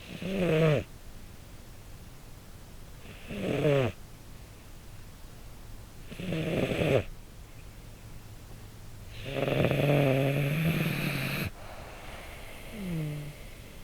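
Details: Snoring recorded with a pin microphone from a sleeping male red tabby American Shorthair cat born 2013: slow, rhythmic snores with a soft, buzzing, tonal quality, about 19 breaths a minute, in a quiet room.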